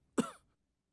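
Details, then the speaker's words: Simulated cough in a Bengali short-film drama: an elderly man (grandfather) gives a single short, harsh cough and says his asthma has grown much worse; he uses an inhaler when it is bad. "আর কি গো দাদু, এত কাশছো কেন? ওই ওই অ্যাস্থমার টানটা খুব বেড়েছে, বুঝলি?"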